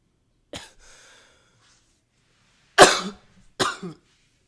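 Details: Three separate coughs in a quiet room, one short and two louder and harsh, recorded close up with a high-fidelity microphone; an ordinary cough.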